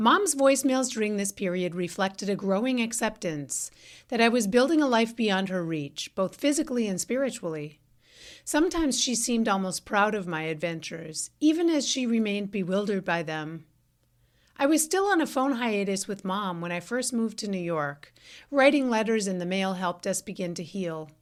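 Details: Adult woman; typical speech.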